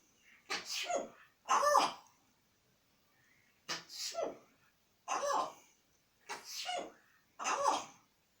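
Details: Sneezing from an African Grey parrot.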